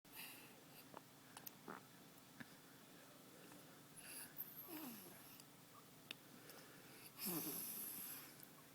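Quiet, high, whistling and squeaky breathing sounds during sleep, with faint room noise; soft snoring.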